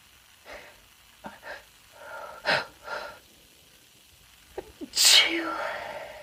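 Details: A few soft breathy sounds build up, then one loud sharp sneeze burst with a trailing exhale from a female; an ordinary single sneeze.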